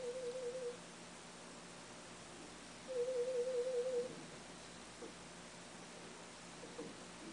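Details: Cochlear implant user's third hearing test at an ear unit: two bursts of mid-pitched warbling test tones over quiet room hiss; the hearing level reached the speech banana. Audiometry test tones.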